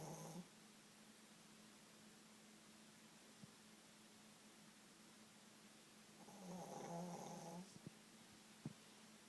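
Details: Sleeping dog snoring in a quiet room with steady hum: a brief snore at the start, then a longer rattling snore.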